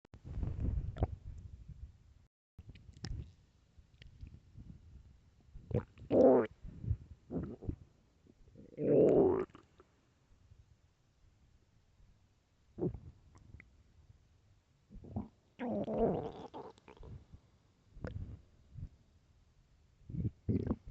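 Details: Loud hunger stomach growling: irregular gurgling and rumbling bowel sounds, borborygmi.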